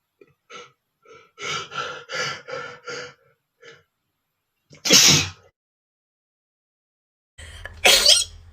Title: sneezing male #14 (NOT POWERFUL! №2)